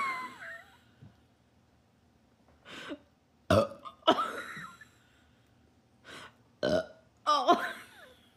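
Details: Person laughing while burping: several loud burps, some breaking into laughter partway through, with brief quieter gulping sounds between them.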